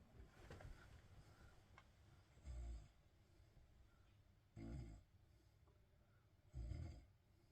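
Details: Snoring in bed: three low rumbling snores about two seconds apart, roughly 30 a minute, over quiet room noise.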